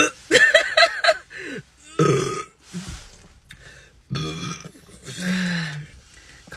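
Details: Adult woman burping uncontrollably after rapidly drinking Coke in a burp challenge: loud, deep, drawn-out belches, several in quick succession with short pauses.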